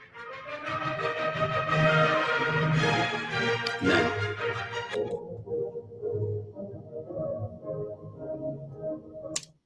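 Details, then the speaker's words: Simulation of Beethoven's high-frequency hearing loss: orchestral music starts full and bright, then turns dull and muffled as a low-pass filter cuts the treble to 1.3 kHz and then more severely. "brought the low pass filter down to 1.3K. Let's try and do it a little bit more dramatically and see what happens."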